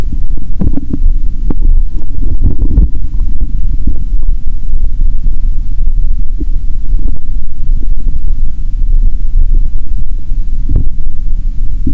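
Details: Self-recorded through her first stethoscope on the abdomen after fasting over 15 hours: steady loud low rumbling with scattered irregular short gurgles and pops; bowel sounds.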